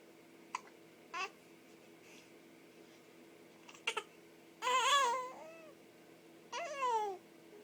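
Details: Male infant with hiccups, said to hate them, giving brief squeaks and short fussy cries with babbling in a quiet room; infant crying.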